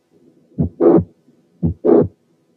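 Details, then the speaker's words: Late systolic murmur of mitral regurgitation due to mitral valve prolapse: the first half of systole is clear, then the murmur begins in mid-to-late systole and runs up to the second sound. "طبعا في فاريشنز على كده، مثلا ساعات المرمر بتاعه الماترال انكومبتنس بتكون ليت سيستوليك يعني النص الاول من السيستلي فاضي، والمرمر بتبتدي في النص الثاني وتوصل للسكند هارت ساوند زي المثال الاتي."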